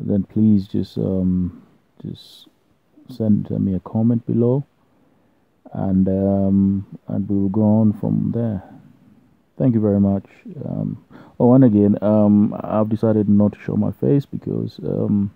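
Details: Adult man who has stammered since birth and has learned techniques to control it and gain some fluency: stuttering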